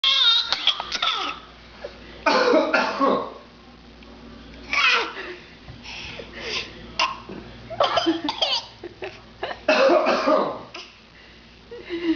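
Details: Voluntary cough: a young child makes repeated deliberate fake coughs copying his father, trying so hard his face turns red; the father's coughs are also heard.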